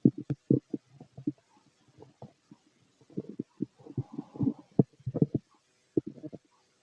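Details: Empty-stomach bowel sounds (borborygmi): bursts of low gurgling and bubbling pops in quick runs, stomach growling.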